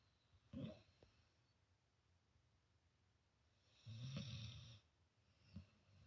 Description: My poor cat is trying to get some sleep too, but her friend, the Potato Dog, is snoring right next to her.